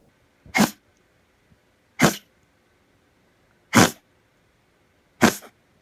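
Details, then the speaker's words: Dog with tracheal collapse giving a dry, chronic, goose-honking cough: four harsh, dry honks about a second and a half apart. "Now, dogs suffering from tracheal collapse will often have this dry, chronic, goose honking cough."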